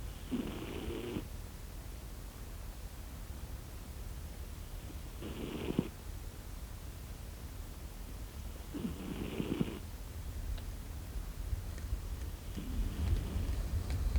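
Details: A sleeping cat snores slowly and regularly, four breaths in fourteen seconds (about 16 per minute), over a steady low background hum; snoring.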